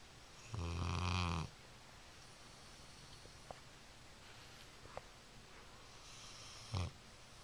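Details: Two deep, rattling in-breath snores about six seconds apart over steady room hum, while sleeping on a couch, heard from the kitchen; ordinary snoring.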